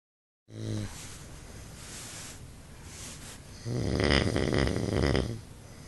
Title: Snoring husband